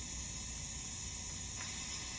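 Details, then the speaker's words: Wall suction vacuum tested before nasogastric tube insertion, gauge reading 100 to 125; steady airy hiss of the suction running normally. "Okay, now I'm just gonna test the vacuum here."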